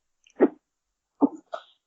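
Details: Adult: two sharp cough bursts, the second followed by a short catch, part of a coughing fit.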